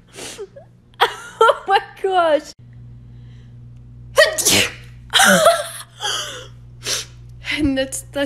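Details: Compilation of sneezes from TV and video clips: a run of several sharp, explosive sneezes with quick gasping breaths between them over a steady low hum.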